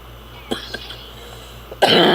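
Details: Adult woman coughing while smoking and drinking soda: a few soft throat sounds lead into a sudden loud, harsh cough.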